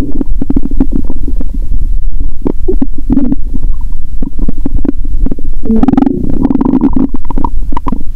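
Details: Loud stomach growling and gurgling recorded through a stethoscope on the abdomen after eating Mentos, following a fast of over 15 hours: active bowel sounds.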